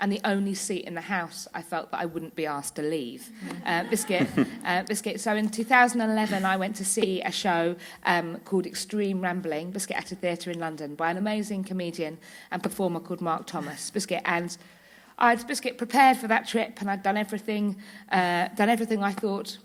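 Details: Woman with Tourette syndrome whose vocal tics, repeated "biscuit", "hedgehog" and "cats", interject her speech; several times daily tics intensify to loss of body and speech control; Tourette syndrome vocal tics.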